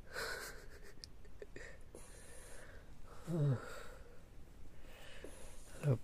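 Soft, irregular rasping breaths with two louder snorting snores from a sleeping cat, in a quiet room; snoring.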